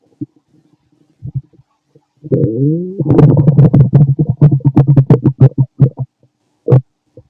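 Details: Fit male, stomach growling while digesting, very loud: a long rising groan then rapid bubbling pops; normal digestive bowel sounds (borborygmi).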